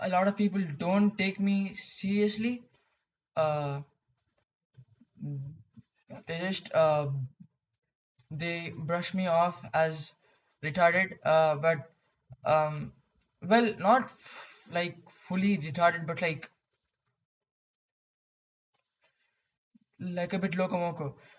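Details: Male who has stuttered most of his life, with blocks, repetitions and facial and jaw movements, often substituting synonyms for words; stuttering.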